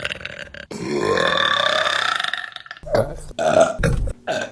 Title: Burping Compilation August 2023 #3 | RBC (Reupload)